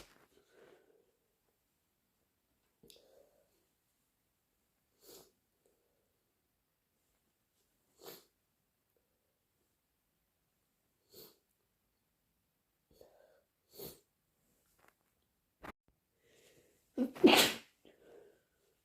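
Several brief nasal bursts and sniffs, ending in one loud wet sneeze, during a head cold.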